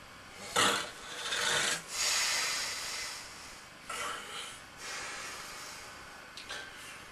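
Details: Stew sleeping after a big swigging session: raspy, noisy in-and-out breaths with a rough fluttering quality, repeating steadily; snoring during sleep.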